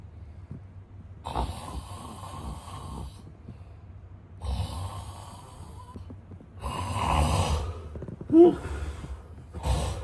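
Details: Sound-effect recording of a man snoring: harsh, raspy snoring breaths with uneven timing and a brief snort near the end; snoring.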